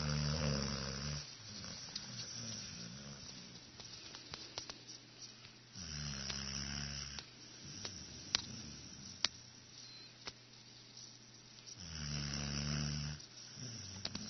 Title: Snoring Setter